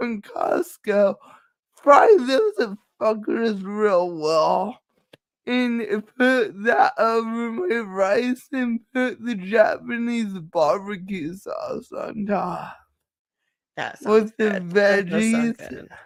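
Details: Adult with cerebral palsy, which the speaker says is why they talk this way and that nothing can be done about it; dysarthria (cerebral palsy).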